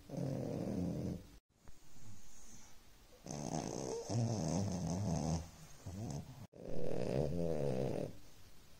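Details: 7-month-old French Bulldog puppy asleep: loud, rough, rattling snores on repeated breaths with brief pauses between; short-nosed dog snoring.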